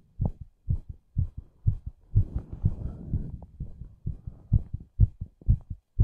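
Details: Fast, regular low thumping heartbeats at about 120 a minute, with a brief stretch of rushing noise in the middle: rapid heartbeat (tachycardia).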